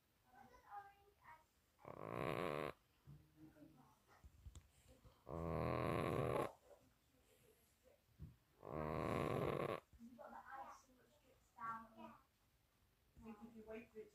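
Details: A sleeping pet cat snores loudly with three rattling inhaled snores, about eighteen breaths a minute, and softer exhalations.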